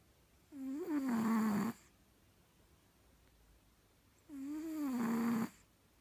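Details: Cat snoring: two drawn-out, buzzing, tonal snores about four seconds apart, each over a second long, in a quiet room; snoring during sleep.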